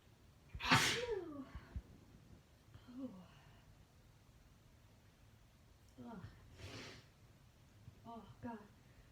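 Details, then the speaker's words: One loud, forceful sneeze, then gasps and small sounds, then a softer sneeze and short vocal noises; a woman's repeated, hard-to-stop sneezing fit deliberately induced with Chhinkni nasal snuff. "Oh, it's hard to stop, like I said."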